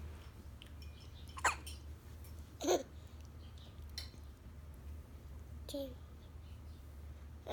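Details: Young child with few teeth copying another's hiccups: three or four short, abrupt hiccup sounds spaced irregularly in a quiet room.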